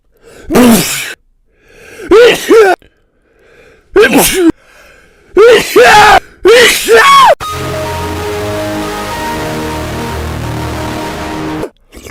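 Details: About six forceful, voiced sneezes in quick succession, followed by music; repeated sneezing in a remixed meme clip.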